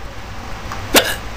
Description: It's Funny because my hiccups sound funny. lols.